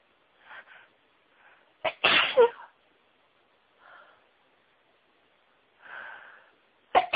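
Quick breath intakes build to a sudden loud burst, one full sneeze with a second starting at the end.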